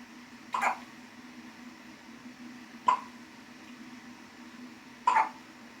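Three short, abrupt hiccup sounds about two seconds apart, roughly 26 a minute, in a quiet room.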